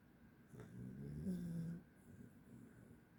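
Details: Sleeping, dreaming dog: a single soft low rumbling snore; snoring.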